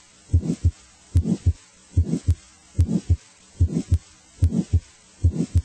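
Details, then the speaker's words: A teaching recording of a regular heartbeat at about 73 a minute, with a murmur starting after S1 and stopping before S2 with clear gaps, as in physiologic flow murmurs or aortic stenosis: a midsystolic murmur. "for example a mid systolic murmur as heard in physiologic flow murmurs or aortic stenosis begins after s1 and stops before as to"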